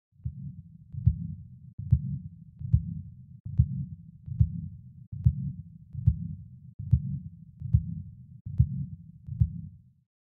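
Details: Auscultation at the cardiac apex in takotsubo cardiomyopathy: low-pitched regular heartbeat about 72 a minute, with a loud extra sound just before the first sound, an S4 gallop.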